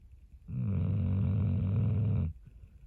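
One long, low, vibrating breath of about two seconds from a sleeping dog; snoring.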